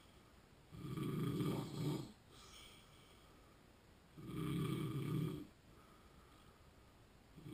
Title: Sleep Apnea Snoring Vlog 48